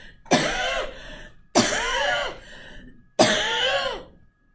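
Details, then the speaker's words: Imitated asthma coughing spasm: three harsh forced coughs, each trailing into a strained exhale, shown as the typical asthma presentation rather than wheezing. "it's the exhale they don't sound like that you don't hear this wheezing necessarily what they present with is usually this"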